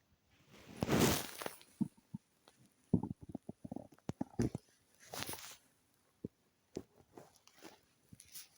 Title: stomach growl test number 1